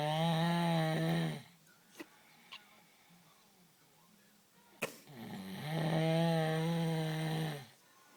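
Two long, loud, droning snores from a cow with a quiet pause between them and a couple of faint clicks.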